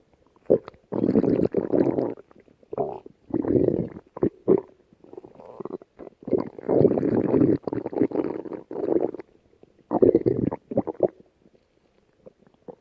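Repeated low rumbling, gurgling growls in bursts with short pauses between them; ordinary stomach growling from gas and fluid moving through the gut.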